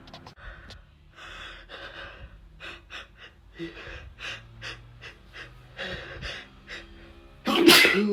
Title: Some desperate sneezes